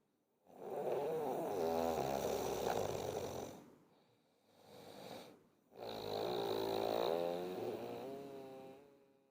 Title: Snoring Sound